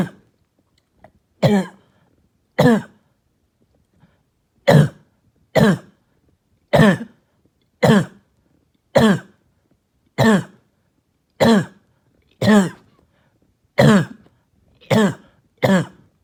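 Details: Barking, hacking cough heard all night: thirteen harsh, hoarse single coughs, roughly one every second, in a quiet room.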